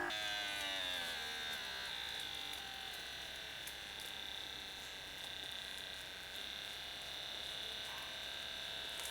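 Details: Silvercrest SBM 70 upper-arm automatic blood pressure monitor, user seated: a steady electric pump whine that falls in pitch as the cuff fills; cuff inflation.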